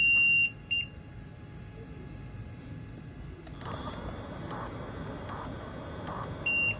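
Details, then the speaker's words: LTV1200 ventilator switched on for volume control assist-control setup: short, high electronic startup beeps, an alert that patient type (same or new, adult) must be selected before any setting can be changed. "Okay. Now, you hear that beep. That beep says that you have to address something before it will let you change anything."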